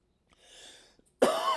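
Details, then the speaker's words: Adult coughs mid-speech after a dusty off-road racing event; the speaker feels he has a chest cold, with a raspy voice and scratched-up vocal cords. "excuse me man it was dusty at visions at mid-america outdoors i was talking to uh dylan d-pass photography earlier today uh we both feel like we have a chest cold"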